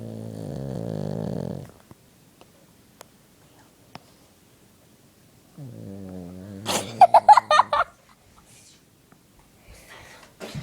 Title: Dog snoring #2